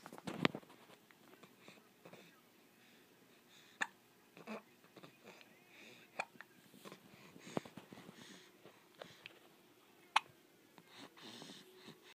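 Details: Baby with about five sharp, abrupt hiccups at irregular gaps over twelve seconds in a quiet room; hiccups.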